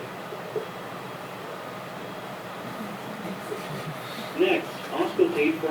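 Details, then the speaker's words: Hypoactive bowel sounds in a teaching recording, auscultated with a warmed stethoscope diaphragm starting in the right lower quadrant: mostly quiet, steady hiss with only a few faint, brief gurgles late on. The sounds are diminished, as after abdominal surgery or with peritoneal inflammation. "hypoactive P sounds are diminished or absent and occur after abdominal surgery or with keneal inflammation they sound like"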